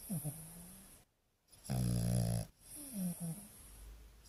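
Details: French Bulldog asleep, snoring with squeaky, whistling nasal tones and one louder, deeper rumbling snore in the middle; snoring.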